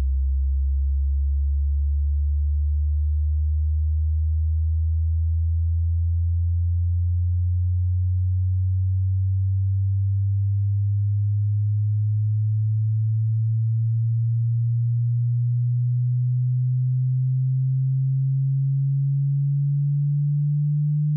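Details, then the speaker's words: Pure, steady tone slowly rising in pitch from a very low hum: a 60-second frequency sweep from the lowest to the highest audible pitch, played near-inaudibly for matching tonal tinnitus pitch. "se puede hacer fácilmente usando un barrido de frecuencia que les demostraré ahora, así que mantengan el volumen ajustado para que el sonido sea casi audible y durante los próximos 60 segundos escucharán."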